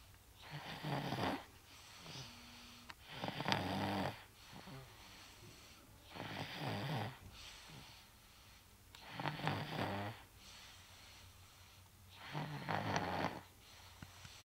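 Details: Sleeping child snoring in regular loud rattling bursts, about 20 breaths a minute, with quieter breaths between.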